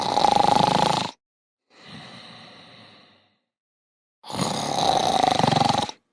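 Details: Snoring sounds labelled as the Hulk sleeping at night: two loud, rumbling, rattling snores with a softer hissing breath between, exaggerated and cartoon-like.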